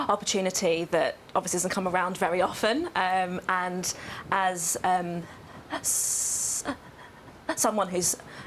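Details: Adult woman who has stammered for nearly 25 years; stammering (stuttering).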